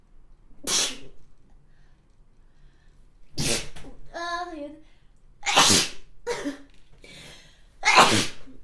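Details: Four sharp, explosive sneezes from an adult who mentions hay fever and a dog allergy, with a brief voiced sound between them.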